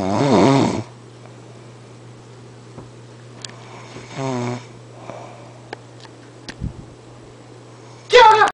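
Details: Snoring during sleep: two rough, fluttering snore sounds with a quiet stretch between them and a steady hum in the background.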